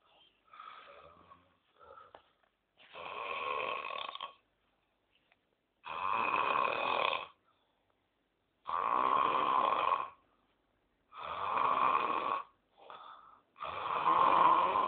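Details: Very loud, harsh rattling snoring in long bursts with silent gaps, about four to five breaths a minute; heavy snoring.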